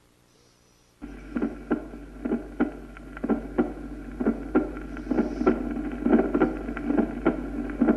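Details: Regular heart sounds at about 66 beats a minute, with the first sound split into two close parts: true splitting of the first heart sound in right bundle branch block.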